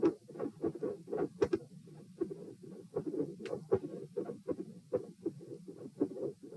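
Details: Heart sounds recorded at position P, patient supine doing leg exercises to test heart response, 78–90 bpm: heartbeat near 80 a minute with sharp high-pitched clicks riding on the beats, clicks increasing in intensity while pattern stays unchanged.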